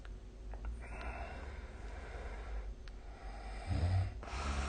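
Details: Snoring during sleep, recorded with the SnoreLab app: soft, noisy breathing ending in a low, rough snore, with steady background hiss.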